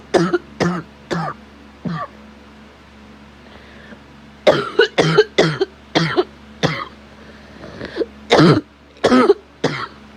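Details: Clusters of repeated forceful coughs, about fourteen in ten seconds, over low hum; sick person with asthma who smokes daily, illness caught from a sick child, chest occasionally feels on fire; unsure if a cold.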